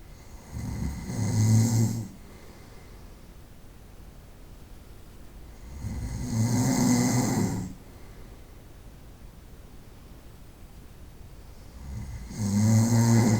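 Loud, rattling snores recurring about every six seconds, roughly ten breaths a minute, with quiet pauses between.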